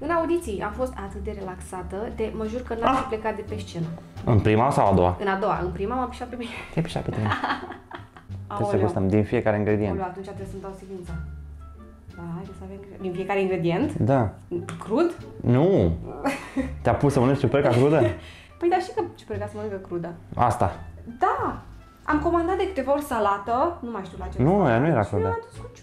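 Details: Adult speakers in conversation; normal speech.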